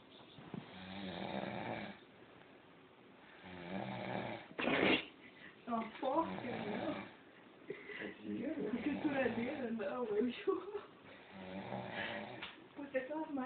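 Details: Tele Sena piggy snoring: repeated rough snoring breaths heard under people talking nearby.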